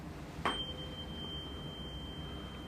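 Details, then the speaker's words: Weber hearing test in a cranial nerve (auditory) assessment: 512 Hz tuning fork struck, then a pure steady ringing tone as it is placed on the centre of the forehead; patient hears it equally in both ears, normal. "I'm going to ping the tuning fork, place it on the centre of your forehead. Let me know where you hear the sound"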